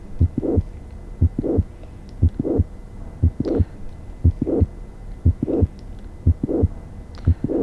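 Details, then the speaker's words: Suspected acute rheumatic fever (carditis) patient, heart rate about 59/min: systolic murmur starting after a gap following a clear S1, possibly not pansystolic and possibly not diamond-shaped ejection; mid-to-late systolic murmur with mid-systolic click (mitral valve prolapse). "This is possibly not a pansystolic murmur because I feel there is a gap between the S1 and the start of the murmur."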